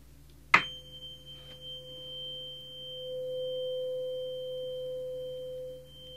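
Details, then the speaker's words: A sharp strike, then a clear steady pure tone ringing several seconds: a tuning fork used for a hearing check, in a role-play ASMR cranial nerve examination. "and it's used to tune instruments and it's been around for quite a long time but today we're going to use it to help to see if you can hear properly"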